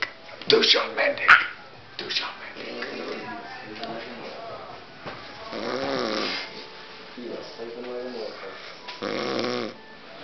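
Soft rumbling snore-like breaths with a growly quality over a couple of short noises; snoring, likely a dog.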